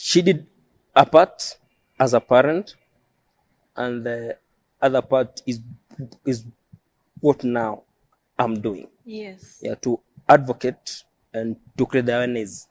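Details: Adult male who stammers, self-described as neurological and present since birth. Finding: stuttering.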